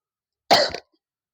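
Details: A single short, acted cough staged for a video shoot, a harsh burst lasting about a third of a second.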